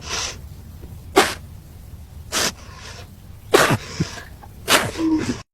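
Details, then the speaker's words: Bride at a wedding ceremony apologizes that she needs to sneeze, then four sharp, explosive sneezes about a second apart with quiet room noise between; sneezing. "Oh, hold on. I'm sorry. I need to sneeze."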